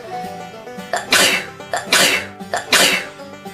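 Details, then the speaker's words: Girl with sneezing tagged to allergies and sinuses gives three forceful sneezes in quick succession, each with a sharp inhaled lead-in, over soft background music; sneezing. "um sorry I I'm going to sneeze sorry have to sneeze"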